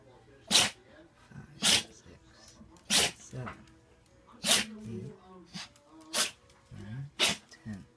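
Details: Maltese/terrier mix dog that recently began coughing (wheezing) and sneezing, recorded sneezing for a vet checkup.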